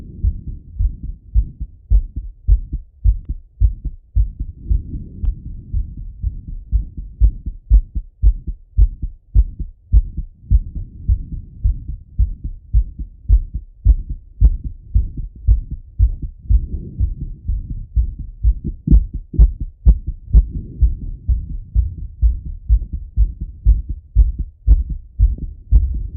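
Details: A man's own heart auscultated with a stethoscope after a set of workout exercise: fast, regular heartbeat at about 115 per minute with breathing noise; normal heart sounds after exercise.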